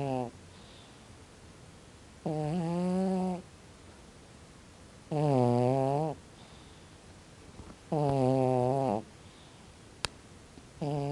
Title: very loudly Snoring Sleep CAT